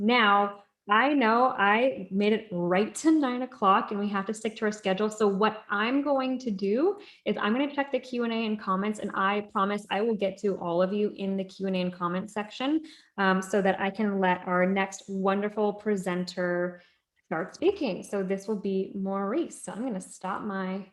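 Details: Adult woman; normal speech.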